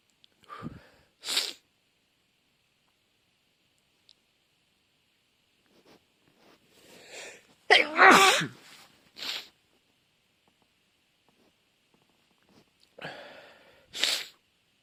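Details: Sneezing fits: several sharp sneezes in quick runs, with brief build-up breaths between them.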